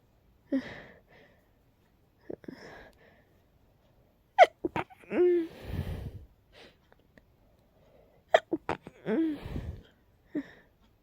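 Several sharp sneezes, each with a quick in-breath before the burst, and softer breathy sounds between them; repeated sneezing in a quiet room.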